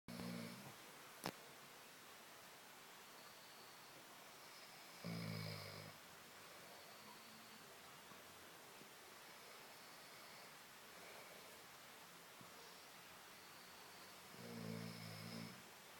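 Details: Three low, rumbling snores spread across a quiet stretch, with faint steady room hiss between; snoring.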